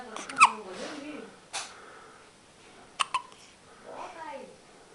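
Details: Baby girl, born 27 October 2008, with hiccups: soft babbling broken by sharp, brief catches of breath, including two close together.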